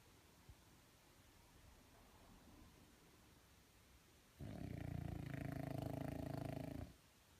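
Quiet room, then one long, loud, rattling snore lasting about two and a half seconds; snoring.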